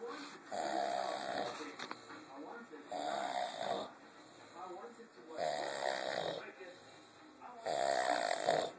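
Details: Gorilla snoring in sleep: deep, rough snores recurring with each breath, alternating with quieter stretches.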